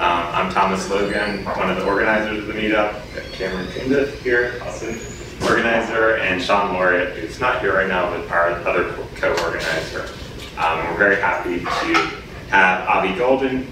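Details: Adult man speaking; ordinary speech.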